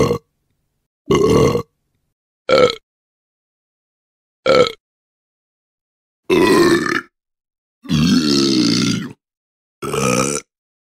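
Seven separate burps of varying length and pitch, some short, some long and rumbling, from a sound-effect collection.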